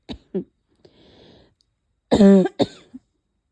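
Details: Leftover cough after a cold, with chest pain: several harsh coughs, including a loud, hoarse, voiced bark-like cough followed by shorter bursts, plus some sneezes; barking cough.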